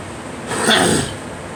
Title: Girl coughing